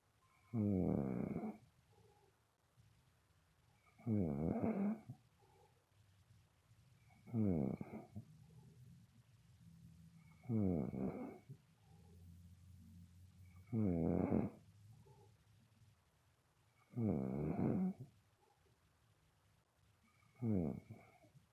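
Loud, rattling snores with each breath, about 18 a minute, with quiet pauses between them; ordinary snoring.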